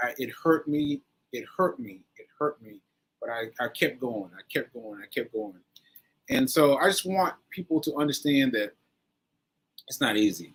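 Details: Adult man with aphasia following a stroke on 7/14/22, recorded 7/4/23 during his recovery, speaking English; aphasia.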